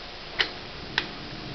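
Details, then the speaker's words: Infusion pump cassette click: two sharp clicks as the air-test cassette snaps into place on a Hospira Gemstar pump during preventive maintenance; beeping stops, confirming it is seated before the air-in-line test. "There, you heard the click, and you know it's in place because it stopped beeping."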